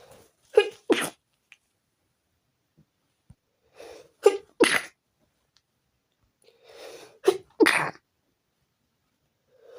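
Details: Sneezing fit at 4 a.m. preventing sleep: three sneezes in about ten seconds, each with a short in-breath and a double burst, in a quiet room.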